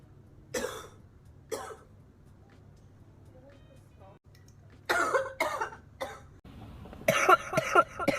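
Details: Girl coughing: repeated harsh coughs, two spaced apart then a closer run of several more, over a low background hum.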